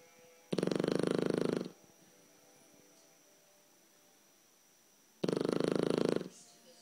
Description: Our 12 week old blue Shar Pei Snoop is asleep snoring even louder